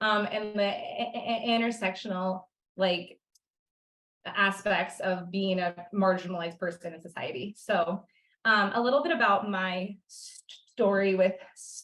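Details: Person who stutters, with audible word and part-word repetitions; stuttering.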